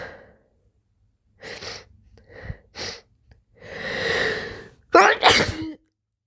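Quick breaths and sniffs build up to two loud, forceful sneezes in a quiet room.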